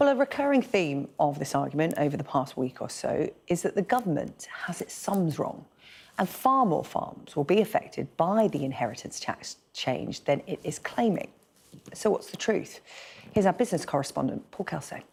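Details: Adult woman, news presenter; normal speech.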